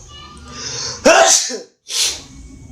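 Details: During a snack unboxing, a sharp indrawn breath, then an explosive sneeze, followed by a second softer burst; a typical sneeze.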